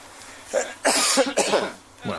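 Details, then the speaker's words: Brief loud adult cough bursts, deliberately coughed while testing microphone levels with a compressor on; voluntary cough with no wet or wheezy quality. "i want to hear that cough again okay so there's a cough there watch the watch now see it mostly goes around 12."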